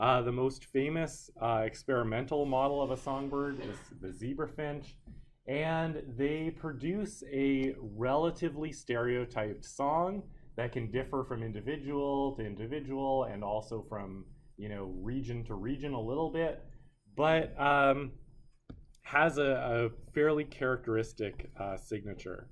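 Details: Adult male lecturer; normal speech.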